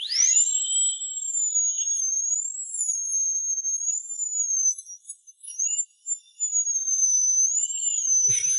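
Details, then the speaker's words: Thin, very high-pitched whine that wavers slightly in pitch and briefly stops: a high-speed dental drill splitting an impacted wisdom tooth in half after a gum incision. The patient feels no pain, and feels the vibration. "you don’t feel any pain But you can hear the sound of a power drill. I can still feel the vibration of the electric drill. My whole head is buzzing."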